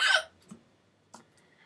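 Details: Two short, sharp catches of breath about half a second apart after a brief burst of noise; hiccups.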